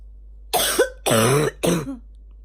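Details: Female, morning barking cough: three harsh, loud, voiced coughs with a hoarse barking quality.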